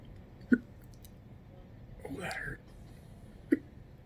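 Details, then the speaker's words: Adult man in a hospital bed the day after bariatric surgery, with some pain; two short, abrupt hiccups about three seconds apart with a breathy sound between, recurring hiccups. "why do I get the hiccups right then yep"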